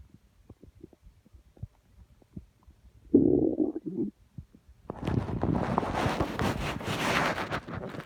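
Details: Constant stomach growling the person could feel by hand: soft scattered gurgles, then a long loud rolling rumble lasting several seconds (borborygmi).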